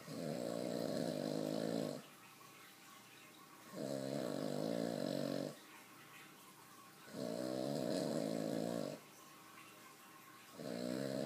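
Loud rhythmic rattling snores with each breath in, about 17 breaths a minute, separated by quieter breathing out; ordinary heavy snoring.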